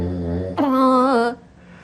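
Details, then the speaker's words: Very loud snoring, described as severe "dinosaur-style" snoring linked to sleep apnea risk, from air passing a narrowed upper airway vibrating soft tissue; snoring may stop abruptly when airflow is fully blocked. "好，大家要先知道说打呼这个声音怎么出来的。打呼就是因为这个空气在经过一个很狭小的空间，好，那通常就是我们上呼吸道嘛，那它引起了这些软组织的共振之后产生的声音。"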